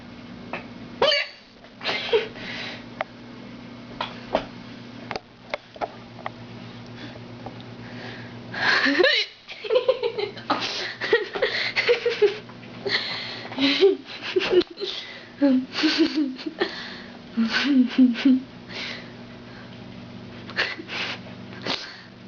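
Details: Child's hiccups: repeated sharp, abrupt hiccup sounds mixed with giggling over a steady background hum.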